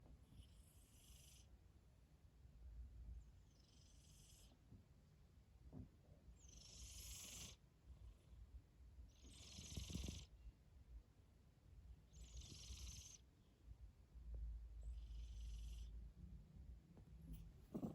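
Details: Quiet snoring during sleep: soft, rhythmic hissing breaths with low background rumbling, about one breath every two to three seconds.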